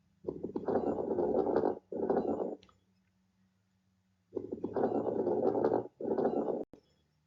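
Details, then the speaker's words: Coarse crackles: two breaths with loud, low-pitched, harsh or moist bubbling crackles in early inspiration, originating in bronchi, usually at the bases, not cleared by coughing; indicate lung secretions, e.g. pneumonia, heart disease, cystic fibrosis, bronchitis. "sound slightly louder than fine crackles they can sound harsh or moist and often indicate the presence of lung secretions"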